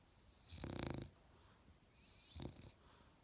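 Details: Sleeping Australian Bulldog puppy: two fluttering, snorting snores, one long and one short, in a quiet room; noisy nose and throat breathing; snoring.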